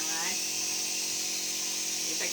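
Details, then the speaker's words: 23-month-old child with a cough receiving nebulizer inhalation while singing: steady high-pitched hiss of the running nebulizer with a hum and brief voice sounds at the edges. "lagi di inhalasi nih, tuh ayah. Karena lagi batuk."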